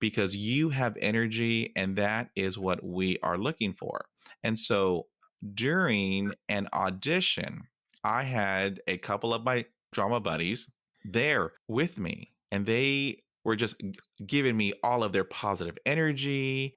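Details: Stuttering in a 47-year-old adult male, present since fifth grade, with repetitions and fillers, real speech.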